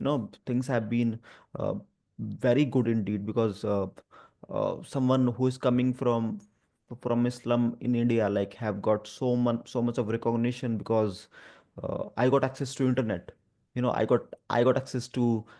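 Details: Adult speaker who stammers and stutters, especially on the 'through' sound and on his own name; real spontaneous speech; stuttering.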